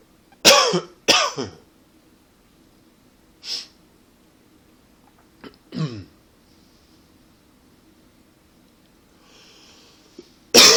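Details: Several short dry coughs and throat clears with pauses in a quiet room: a tickly, non-productive cough, not a fit, attributed to allergies and partly to smoking.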